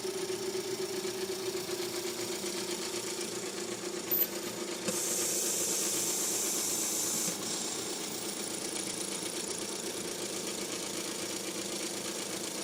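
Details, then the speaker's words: IPPB machine running during a respiratory care hands-on demonstration: steady rapid mechanical pulsing with hiss and a brief louder airflow surge, normal operating sound; unit noted to be a leaker. "Oh, it purrs like a kitten. She's a beaut."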